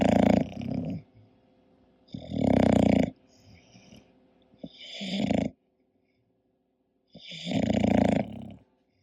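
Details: Sleeping English bulldog: loud rattling snores, four in nine seconds with quiet pauses between; noisy snoring.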